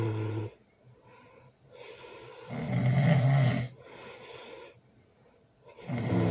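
Loud, rough, rumbling snores on each breath in, about 19 breaths a minute, with quieter breaths out; ordinary heavy snoring.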